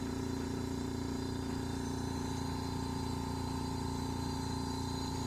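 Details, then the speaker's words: Portable surgical suction apparatus running during a demonstration, patient-side tube folded so vacuum pressure rises: steady motor hum with fast, even pulsing; machine working normally. "Fold like this. You can see the vacuum pressure is increasing. See, it increasing."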